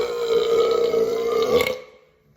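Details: Burping after chugging an Oxyshred drink: a sustained, steady-pitched belch lasting under two seconds, then quiet.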